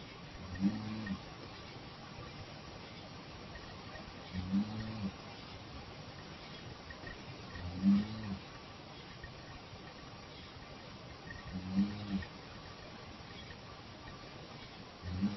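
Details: Sleep recording after clonazepam (noted as 5) on 2019-12-24: short, low, voiced groans recurring about every four seconds; unclear whether moaning or snoring.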